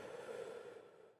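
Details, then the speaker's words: Respiratory examination OSCE, stethoscope chest auscultation: a single deep open-mouthed breath fades away, followed by a brief click. Normal deep mouth breathing. "please could you take deep breaths in and out with your mouth open"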